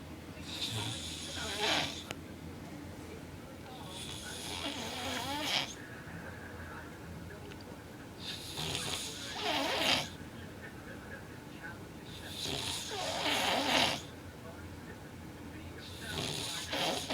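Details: Adult man (boyfriend) with severe snoring recorded asleep: loud, harsh, rattling snores about every four seconds, roughly 16 a minute, with some snorting.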